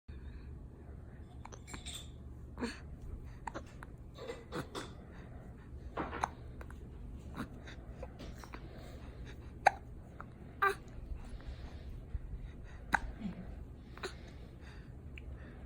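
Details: Keen, one day shy of seven weeks old: quiet, sharp, brief hiccups recurring irregularly every one to two seconds over a steady low room hum; hiccups.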